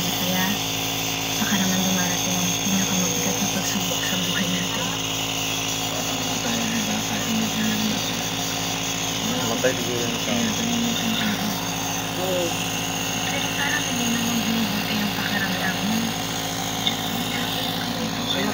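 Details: Steady loud mechanical hum and buzz of a nebulizer compressor running throughout, during treatment of a sick baby with a cough, with faint voices in the background.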